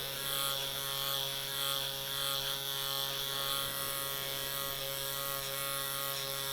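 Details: Steady high-pitched whine with fine buzzing: an automated microneedling pen glided over the lateral facial skin to treat acne scars.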